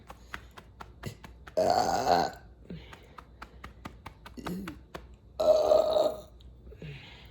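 Two loud, rumbling belches under a second each, separated by faint clicks and quiet room noise.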